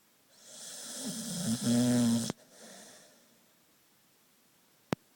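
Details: Sleeping, relaxed puppy: one long, rough, vibrating breath through the nose or throat, then quiet with a faint click; puppy snoring.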